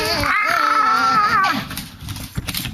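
A sustained high-pitched wailing cry rising and falling, then softer fussing sounds; an infant crying.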